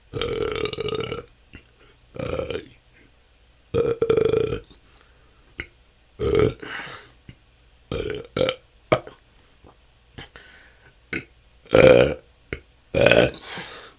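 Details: Self-recorded continuous 10-minute session of natural burping with a better microphone; belching can go on for hours, a struggle for a couple of years, felt as stored-up gas. About a dozen loud burps in fourteen seconds with short pauses: excessive belching (eructation).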